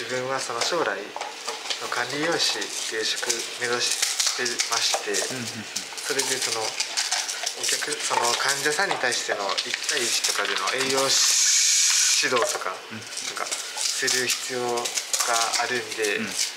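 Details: Male student who stutters, speaking Japanese while working for a day in a cafe staffed by young people who stutter; stuttering.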